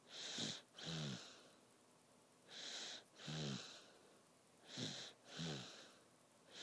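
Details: Snoring at night: three paired breath cycles with rough, fluttering noise on each breath, about one cycle every two seconds.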